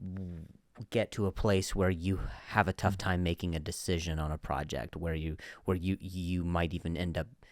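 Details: Comedian who stutters, in real conversational speech on a podcast; stuttering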